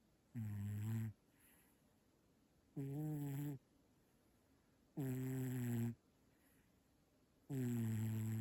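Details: Sleeping cat snoring: soft, regular, buzzy toned snores about 25 a minute, each under a second, with quiet gaps.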